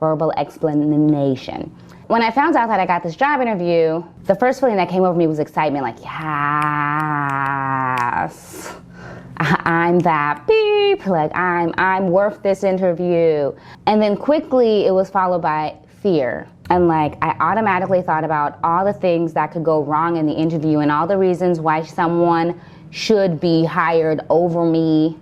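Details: Adult woman who has stuttered since growing up, says she stutters more when repeating herself and that the environment affects it, and is still working through some stutters; stuttering.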